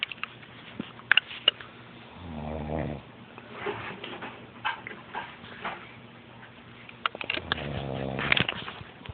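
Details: A deeply asleep sleeper snoring heavily: two low, rattling snores separated by a quiet pause, with faint clicks and room noise.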